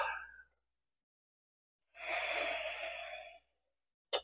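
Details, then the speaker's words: Adult using an incentive spirometer breathing-exercise device after breathing out fully: a long, steady, slow airy inhalation of about one and a half seconds raising the disc to the top, ending with a short click. "want to keep like this nice slow steady breath on it um just to slowly raise that disc all the way to top and then hold it for a second"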